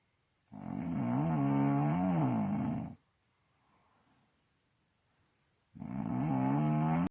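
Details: Person recorded while asleep, snoring: two long, loud, droning snores with a wavering buzz, separated by a quiet pause.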